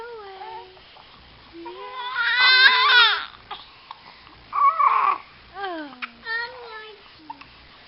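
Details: Infant boy fussing with rising and falling cries and whimpers that build to a louder wail; typical infant cry.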